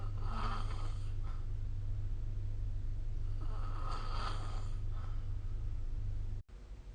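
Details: Low rumbling snores on breaths about three seconds apart, over a steady low hum of room noise; snoring during sleep, recorded with the SnoreLab phone app.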